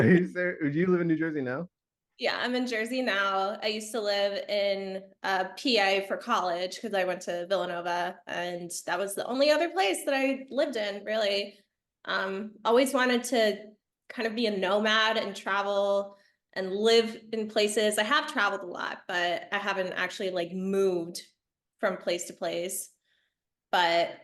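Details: Adult woman speaking; Normal fluent speech.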